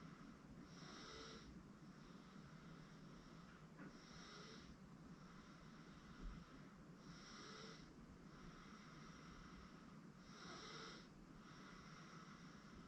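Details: 8-month-old girl asleep on a futon: soft, regular snoring on inhalation, about 16 breaths a minute, over steady background hum; normal infant sleep snoring.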